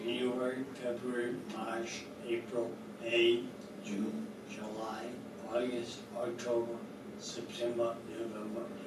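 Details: Patient with cerebellar ataxia shown in a clinical demonstration of speech problems affecting articulation and clarity; ataxic dysarthria.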